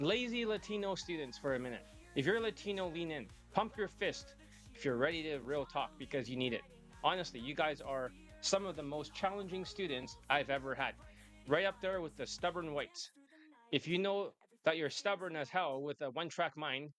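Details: Adult male speaker; no speech disorder.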